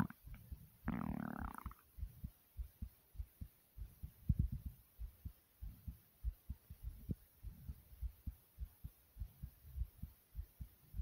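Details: Stomach growling that occurred while recording the heartbeat: steady low heart thumps with a brief gurgling growl near the start; normal borborygmi.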